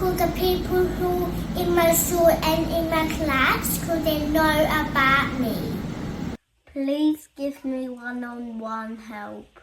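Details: Child with childhood apraxia of speech, which affects their speaking and spelling. Childhood apraxia of speech.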